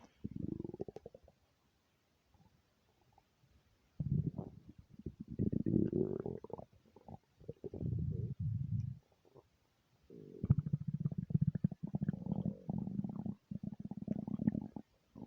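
Long bursts of gurgling, bubbling rumbles, nearly continuous with brief pauses: ordinary loud stomach rumbling.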